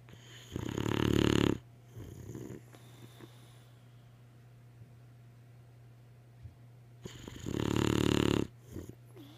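Two loud rasping snores about seven seconds apart, with a steady low hum in the room: snoring.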